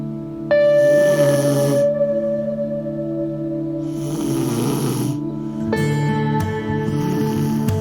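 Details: Snoring demonstration for a snore-stopping smart pillow: two long rasping snores, breathy and rough on each breath, over soft ambient music.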